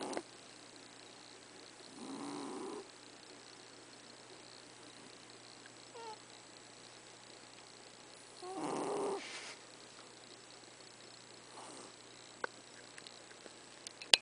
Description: ahaahah my cat is snoring.